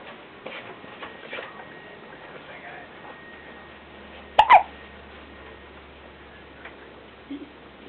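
One abrupt, gulping hiccup over steady background noise, with faint murmuring around it.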